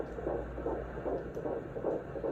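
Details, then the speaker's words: Fast rhythmic whooshing fetal heartbeat on Doppler over a low hum, about 150 a minute (154 recorded at that visit), from a prenatal appointment recording. "my last doctor's appointment the heartbeat was 154. i do have a short little video clip of what that sounded like because it was just me by myself so i took the little video to show jordan"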